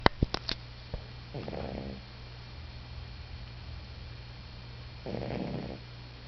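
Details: A sleeping pet named Sophie snores at its owner's feet: after a few clicks, two soft, rough snoring breaths about four seconds apart over a steady low room hum; snoring.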